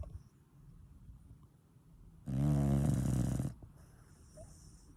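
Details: Sleeping dog snoring loudly, described as sounding like a plough: a single long, low rumbling snore on the in-breath between quiet breaths.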